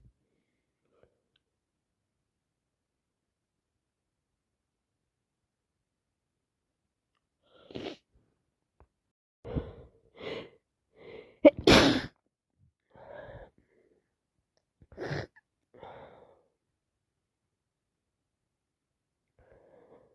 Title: Part 3 allergies and cold non stop sneezing, sit with me as I sneeze 🤧